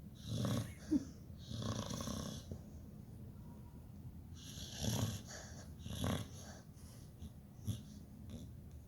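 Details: Sleeping Pitbull, dreaming: irregular snuffling, noisy breaths with soft whimpers and small sounds; snoring while dreaming.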